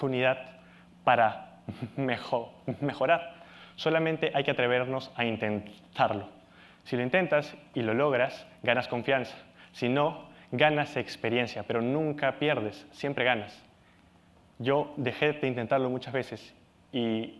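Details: Adult Peruvian male, Spanish speaker, stuttering since age 4, still stutters and has accepted it; stuttering.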